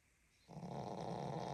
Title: Dog Snores so loud